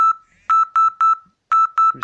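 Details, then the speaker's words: Simulated seizure alert demonstration: a Bangle.js smartwatch running OpenSeizureDetector is shaken to mimic seizure movement, an SMS alert is sent, and a second phone's SMS Annunciator app sounds rapid, loud, repeating aggressive beeps until the alarm is accepted. "and there it's received it and rather than just getting the ordinary beep for a text message we're getting a rather aggressive noise"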